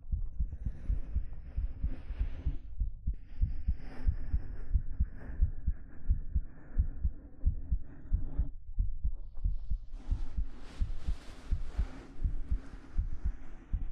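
Soft, steady low thumps at about 90 a minute, mixed with fabric rustling and gentle handling noise.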